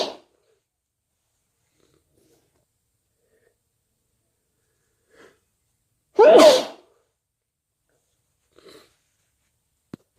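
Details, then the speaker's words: Person with a cold: one loud, forceful sneeze in a quiet room, with a few faint sniffs and soft sounds around it. "Bless me. And sneeze. And I need to sneeze. Oh, bless me. I need to sneeze."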